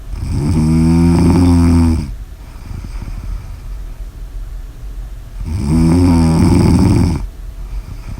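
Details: Loud, buzzing snores on each in-breath, about every 4.5 seconds (roughly 13 breaths a minute), with quiet breathing out between; snoring.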